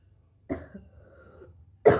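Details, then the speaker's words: Woman hawking up thick phlegm into a bowl in the morning: two short cough bursts with a throaty, hawking quality between them; productive cough bringing up phlegm. "पूरा मोटा कफ निकल रहा है गाइस। देख सकते हो इतना कफ जमा हो गया है।"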